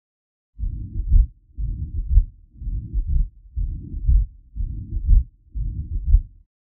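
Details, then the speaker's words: Real patient with mitral regurgitation and a volume-overloaded left ventricle: low heart sounds at about 61 beats a minute with a long murmur and a dull, low-frequency third heart sound in early diastole after the second sound. "because mitro regurgitation produces a volume overloaded left ventricle a third heart sound can often be heard as a low frequency vibration in early diast after the second heart sound as in this"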